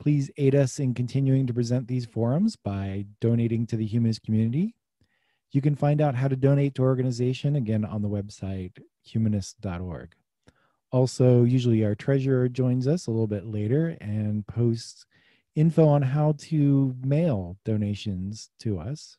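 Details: Adult male speaker; normal fluent speech.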